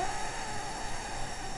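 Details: Pre-treatment sustained "E" phonation by a patient with laryngeal papillomatosis and severe vocal fold scarring; severe hoarseness (dysphonia) from laryngeal papillomatosis.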